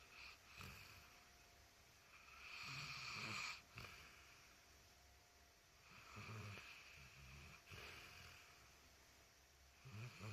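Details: Snoring: soft, rough snoring breaths with a whistly noise, faint against room hiss.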